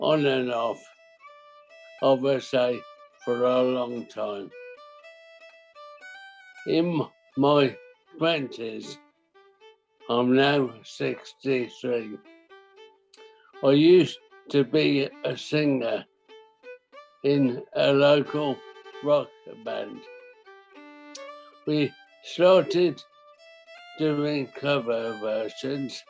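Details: Dysarthria in a 63-year-old man with primary lateral sclerosis, a rare form of motor neuron disease, for about 5.5 years; he can no longer sing.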